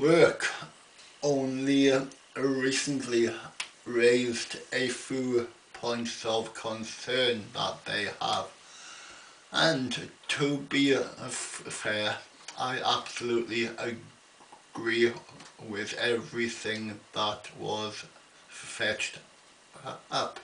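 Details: Adult man with an ongoing stammer, attending a Tuesday night speech therapy group; stuttering.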